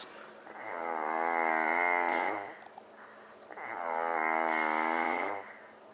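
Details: Two long, loud buzzing snores on slow in-breaths, about 20 a minute, from a person sleeping after a party in a quiet room; heavy snoring.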